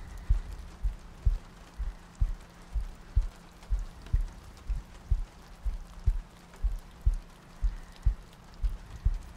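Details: ASMR sleep-aid loop with soft breathing and rain ambience: soft, regular low heartbeat thumps at about 62 beats a minute under a steady rain-like hiss.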